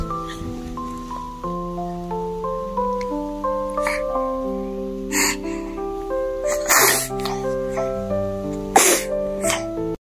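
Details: Sneezes from a 10-month-old baby with cleft lip and palate, just after waking: two or three short, sharp bursts of air over background music.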